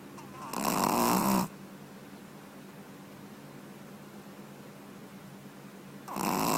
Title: Puppy:: Dog is snore